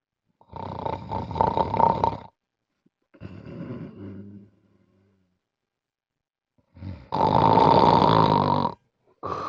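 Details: Very loud, harsh rattling snores with silent gaps between them from a person with severe obstructive sleep apnea; loud snoring.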